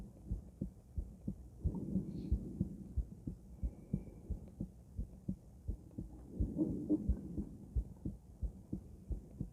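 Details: Female heart auscultated with different stethoscopes, moving through Erb's point, mitral, tricuspid, aortic and pulmonic sites; regular lub-dub about 90 per minute with some rubbing noise; normal heart sounds.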